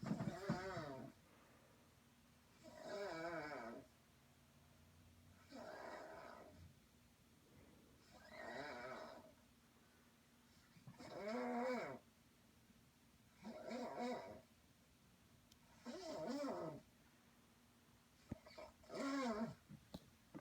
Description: Me and my sister had to share a room and I was waken by her snoring which I mistook for an animal.